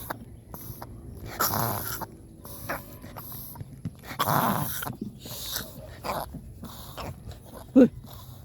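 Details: A dog, suddenly after being fed, makes several loud, harsh snorting bursts through the nose: a reverse sneezing episode.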